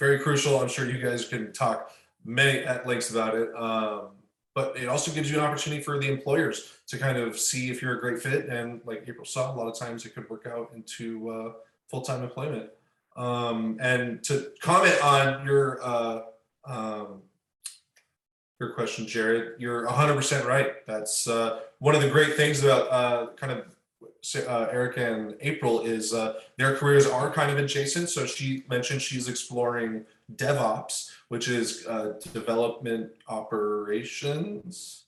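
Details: Adult male speaker; typical speech.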